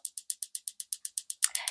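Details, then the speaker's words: Focused shockwave therapy device pulses during a demonstration treatment with gel, slightly uncomfortable for the person treated: fast, evenly spaced sharp ticks, about eight per second, then a brief scrape. "and you'll hear the tick tick tick and those are the shock wav so here we go it is um I say it's a little bit uncomfortable and that is typical for shock wave"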